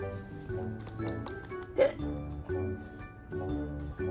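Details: A child, acted in a kids' educational skit after eating too fast, gives a single sharp, brief hiccup over background music, after trying a cold glass of water; hiccups.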